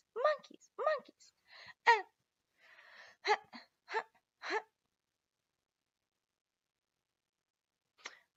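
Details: Adult woman with Tourette-like tics; complex vocal tics while describing tic overload.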